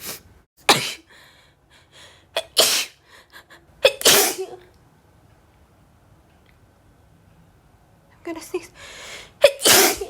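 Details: Acted, simulated sneezing fit after warning of an impending sneeze: about five sharp sneezes in a row, some preceded by a short gasp, with apologies and brief speech between bursts; repeated sneezing.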